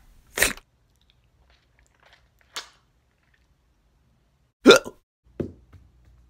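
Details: Several short, abrupt bursts with pauses between them, fitting hiccups, in a skit about a "hiccup lollipop"; hiccups.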